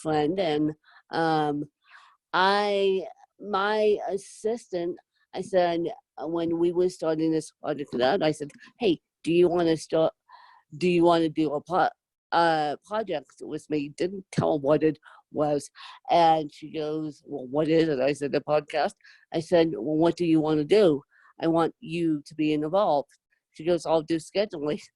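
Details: Adult woman with moderate to severe cerebral palsy, needing help 24/7; dysarthric speech in cerebral palsy.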